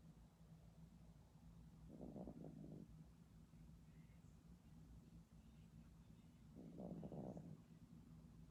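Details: Sleeping Pomeranian dog: two soft, low, rattling snores over steady room hum; snoring.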